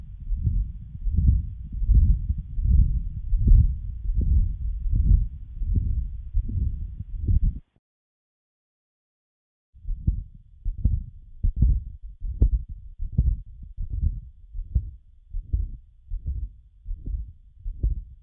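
Child's heartbeat, about 78 a minute, with a continuous rumbling murmur typical of patent ductus arteriosus.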